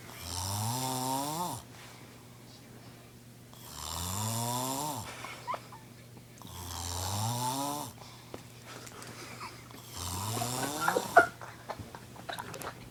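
Loud, tonal rising snores on each in-breath, about four in 13 seconds (roughly 18 a minute), with quiet out-breaths between; ordinary snoring.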